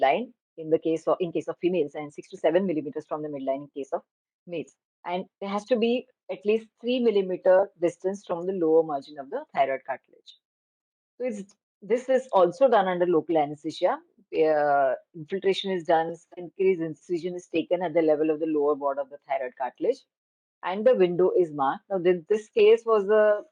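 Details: Adult woman lecturing; Normal voice.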